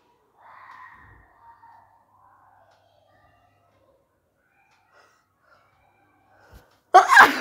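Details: Soft breathy build-up, a pause, then one abrupt explosive sneeze.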